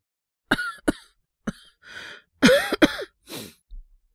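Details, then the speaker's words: Acted (all performance) cough by a male voice actor playing a young man with a throat cold: about five short, harsh, dry cough bursts with a throat-clear. "多分、喉から来てる風邪だろうって話。ちょっと強めの咳止め出してくれるって。"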